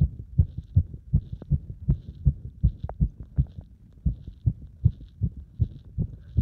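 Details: Heartbeat recorded with compression against the chest plus squat exercise: fast, with uneven spacing, occasional pauses and extra beats, heard through a stethoscope; a cardiac arrhythmia.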